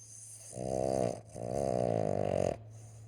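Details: Two loud, fluttering, low-pitched rattling snores with brief quiet between, from a sleeping Boston terrier, a short-nosed dog; snoring.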